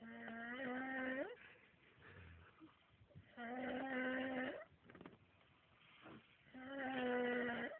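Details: Snoring: long, droning, voiced snores roughly every three to four seconds, with quieter breathing between them.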